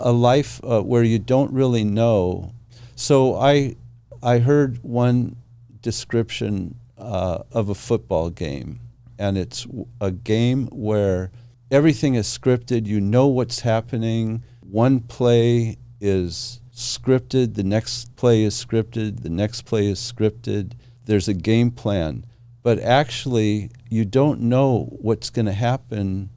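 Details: Adult male speaker; normal speech.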